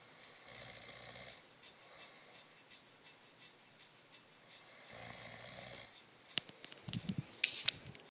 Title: snoring